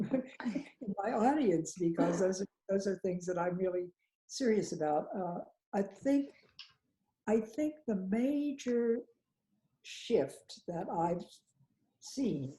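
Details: Adult woman with aphasia, speech in broken fragments with long pauses; aphasia.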